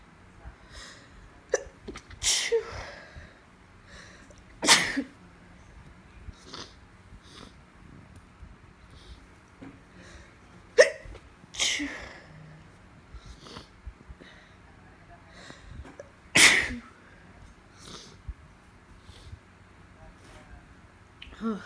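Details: Female with allergies on top of a cold: a run of sharp, explosive sneezes, starting as stifled ones that get bigger, about five strong ones with smaller bursts between, in a quiet room; sneezing.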